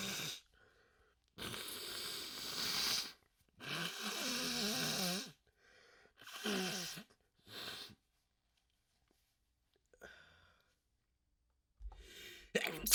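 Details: Huge sneezing fit with wet sniffling and nose blows, let out in full force: several long, hissing, forceful nasal bursts like nose blowing and wet sniffing, ending in a sharp sneeze.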